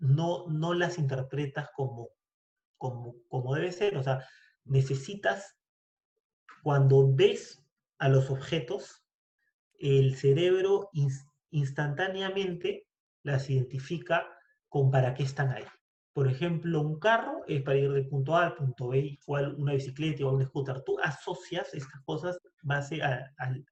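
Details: Stuttering in an adult man speaking Spanish, one of two speakers who both stutter; variability in stuttering, including blocks, is discussed.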